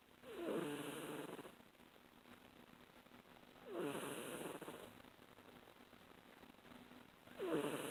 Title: Sweet Kitty snores